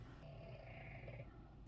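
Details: A faint, low rumbling snore from a sleeping dog, heard across a quiet room; snoring.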